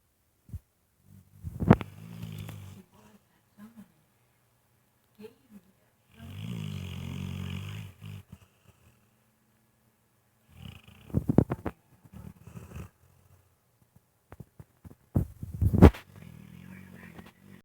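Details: Dog snoring while sleeping: loud, rumbling snores in bursts with snorting catches and quiet gaps between breaths.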